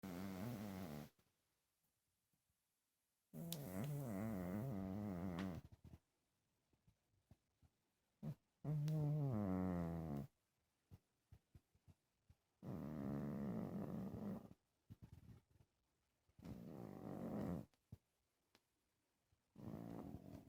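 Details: Sleeping cat snoring: low, rumbling snores, about 14 breaths a minute, with silent pauses between.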